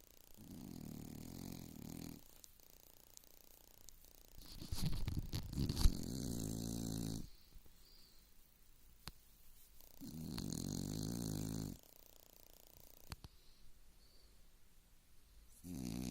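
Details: Low rumbling snores in long drawn-out breaths of a few seconds each with quiet pauses, from a sleeping pet: snoring.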